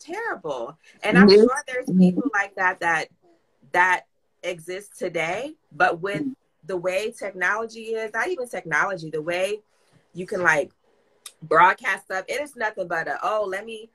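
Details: Adult speaker; typical speech.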